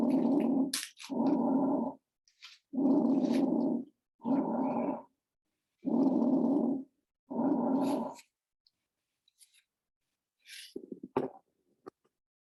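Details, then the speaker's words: Library lung-sound recording of rough, crackly breath sounds over three breathing cycles, said to be heard mostly at the lung bases, finer crackles suggesting more fluid: crackles. "Yeah, so if you hear these crackles, be concerned. You will most likely hear these sounds at the bases, especially if you hear them fine."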